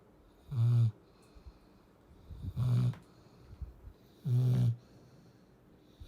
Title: Someone’s comfy #subscribe #puppy #canecorso #dog #cute #love #dogshorts #pets #zulu #snoring